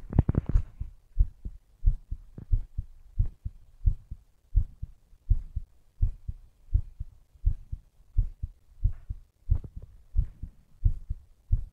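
Steady, strong paired low thumps at roughly 90 beats a minute; a normal heartbeat.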